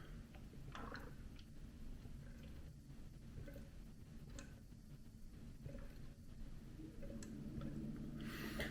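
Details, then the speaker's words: Chest drainage unit demonstration in medevac training, simulated: quiet, steady stream of small bubbles in the water seal, a milder air leak closer to the normal for a pneumothorax, though still somewhat aggressive. "So that would be a very high-grade leak, whereas what would probably be more in line with what is normal is"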